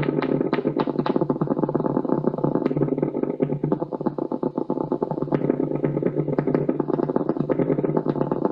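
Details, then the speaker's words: Needle EMG from a patient with normal muscle: crisp, rapid popping over a steady hum, thickening into a dense crackle as the patient applies more force; normal motor unit potentials with full recruitment. "at the end of the video when the patient is asked to apply a bit more force and the screen fills with a large number of"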